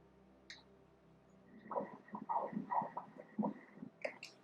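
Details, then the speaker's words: Fetal heartbeat on Doppler ultrasound at 27 weeks of gestation: rapid pulsing whooshes at 165 beats per minute while the very active fetus moves a lot; the rate was 120 the previous week. "La frecuencia cardíaca en este momento es de 165, 165 latidos por minuto."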